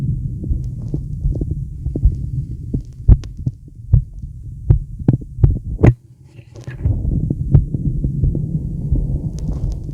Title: Male heartbeat sound + deep breaths